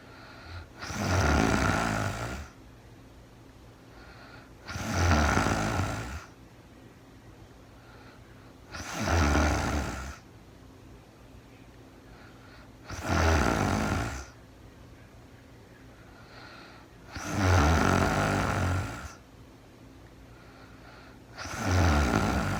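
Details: Adult woman asleep, recorded in real time overnight: steady, loud snoring with regular breaths, about 14 a minute, in a quiet room.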